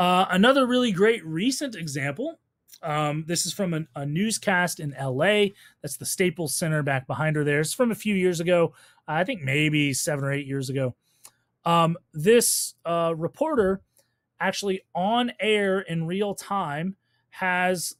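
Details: Adult lecturer narrating; ordinary speech.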